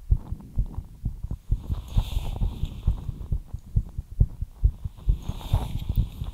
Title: ASMR FAST HEARTBEAT LIGHT EXERCISE